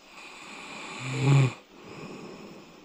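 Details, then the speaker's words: Adult man, filmed asleep while testing anti-snoring aids (mouthpiece, chin belt, nose strips), gives one loud, low, rattling inspiratory snore, then quieter breathing against room hum: snoring. "So you have seen it all and I know I sound like horrible when I'm sleeping although snoring."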